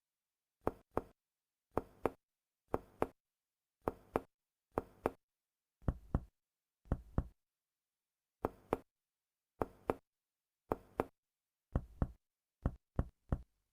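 Repeated paired finger-percussion taps over the abdomen in a quiet room, short and flat-sounding, giving the dull note of fluid-filled ascites.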